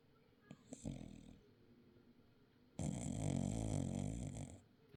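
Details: Snoring recorded on 12-23: a faint low rumble, then a loud, rough, fluttering breath sound lasting about two seconds; a snore.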